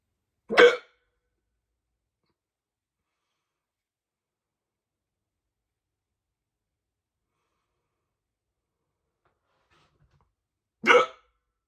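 Two abrupt, loud hiccup sounds about ten seconds apart, with silence in between.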